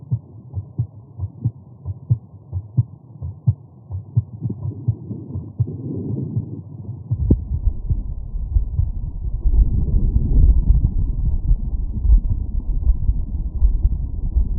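Steady low heart thumps, about 80 a minute, heard through a stethoscope over the aortic area after physical exertion. These are normal heart sounds. Midway, loud rubbing and low rumbling noise largely covers the beats.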